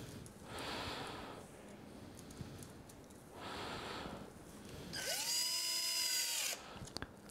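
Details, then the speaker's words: Short whirring burst of a surgical power drill driving extra pins to stabilize the femoral cutting guide during total knee replacement, after soft rustling and room noise. "نحط كمان مسامير زياده علشان نزود بيها الاستابيليتي بتاع الكاتنج جيج بتاعنا."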